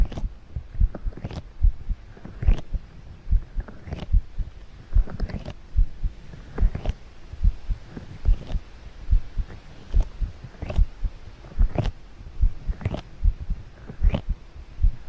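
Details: Heartbeat sounds in a roleplay ASMR recording: steady, regular low thumps at about 70 beats a minute, with faint room hum; normal heartbeat.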